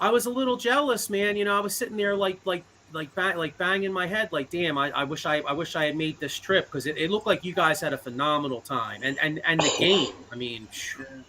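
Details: Adult man speaking; normal voice.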